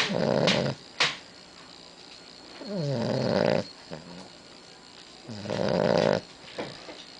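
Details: Sleeping dog snoring: rough, rattling snores with groaning tones on each breath, a few per stretch.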